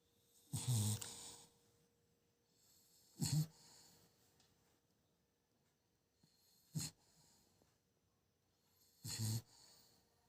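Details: Sleeping dog snoring: four loud, rough snoring breaths at irregular intervals with quiet gaps between them.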